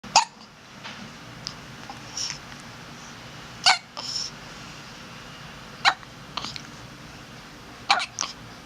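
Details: Four short, sharp catches of breath about two seconds apart over quiet room noise; hiccups.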